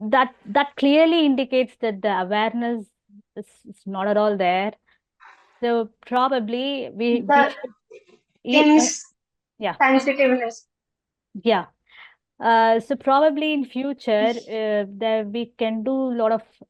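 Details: Stammering in a 20-year-old woman who stammers, reportedly more in public than with family.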